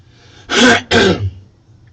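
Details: Two harsh, rough bursts of throat clearing from an adult man with a hoarse voice, who reports recent painful breathing, chest pain and coughing up phlegm; throat clearing.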